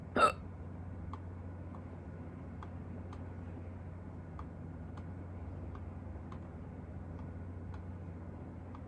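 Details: A person's own hiccups: one sharp, abrupt hiccup at the start, then a quiet room with faint ticking; a single hiccup.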